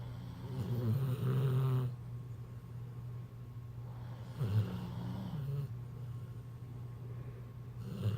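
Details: Snoring: low, buzzing snores on inhalation, two about four seconds apart over a quiet hum.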